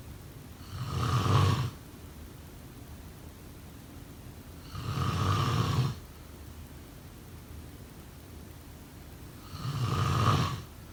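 Three slow, rumbling snores on breathing in, about 14 a minute, with quiet breathing between. Typical snoring.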